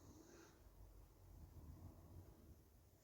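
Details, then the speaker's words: Dog snoring in a cold shed workshop, described as a big snorer: low, rumbling fluttery breathing with a brief snort at the start, in a quiet room. "Actually, not, she's a little bit of a snorer. She's a big snorer."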